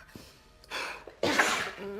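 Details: Sneeze in a woman: a quick breathy intake, then a loud, explosive sneeze with a hissing burst; an ordinary sneeze.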